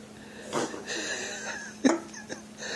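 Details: Husky hiccupping after drinking beer, also sneezing: a few short, sudden gulping catches of breath at uneven intervals with faint room noise; hiccups.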